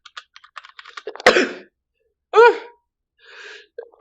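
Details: Quiet clicking, then a single sharp, explosive sneeze followed by a brief voiced sound and a soft exhale, from a compilation of one streamer's sneezes.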